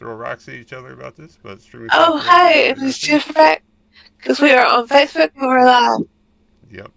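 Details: Woman with multiple system atrophy diagnosed in 2021, recently had her voice box scoped; voice tremor attributed to MSA.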